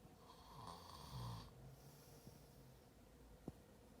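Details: Brother asleep: a low, rumbling snore on breathing in, then quieter breathing, with room noise throughout; snoring.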